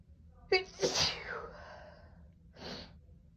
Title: Sneezing at my parents